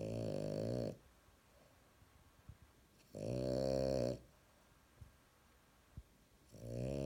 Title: Frenchie snoring LOUD!